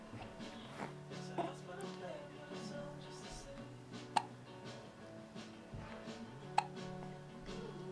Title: with hiccups